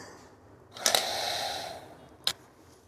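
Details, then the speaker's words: Forced exhalation through a Triflow (flow) incentive spirometer turned upside down for a lung-strengthening exhalation exercise in pulmonary rehabilitation: a steady blow of about one second ending with a click. "उल्टा करके बाहर के तरफ सास को छोड़ेंगे ऐसे छोड़ना है की आपका लंच एक टाइम पर कितना एयर बाहर की तरफ छोड़ सकता है"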